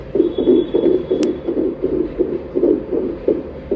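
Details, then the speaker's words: Fetal heartbeat heard on Doppler during a pregnancy ultrasound checkup: rapid, regular whooshing beats about 160 a minute, within the stated normal fetal range of 120–160. "அந்த ultra சவுண்ட்ல Doppler waves மூலியமா உங்களோட பேபியோட heart ரீட்டை உங்களால கேட்க முடியும்"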